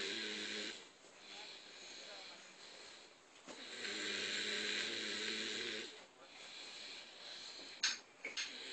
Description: Video during the 2010 Holiday Season of some of the best snoring I've ever seen.. His head doesnt even touch the cushion! lol